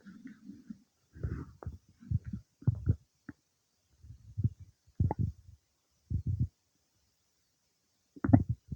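Short, low gurgles and rumbles in irregular bursts with quiet gaps; bowel sounds from normal digestion after eating.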